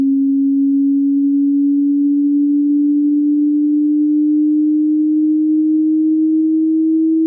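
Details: Hearing test sweep from low to high frequencies: a single steady pure tone rising slowly and gradually in pitch, used to check one's own hearing range.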